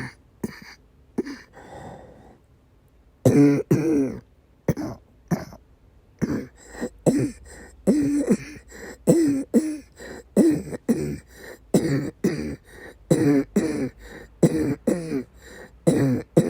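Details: Female patient with persistent asthma attacks and migraine-cluster headache complex, coughing and vomiting: about twenty harsh coughs and throat-clearing bursts in quick runs with strained breaths between.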